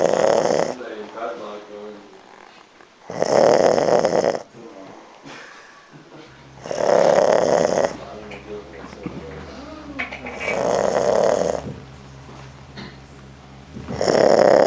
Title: Awesome snoring